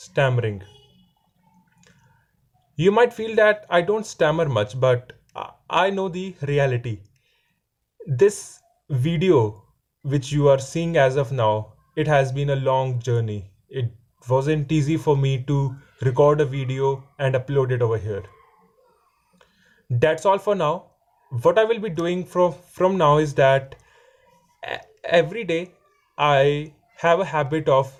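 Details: Male fourth-year law student who has stammering; stammering.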